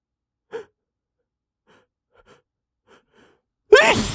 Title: Utterly failed at holding back some loud sneezes (m)